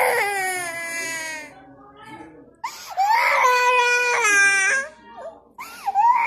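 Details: Baby made to cry: repeated high-pitched wailing cries with brief pauses for breath, in a small room; infant crying.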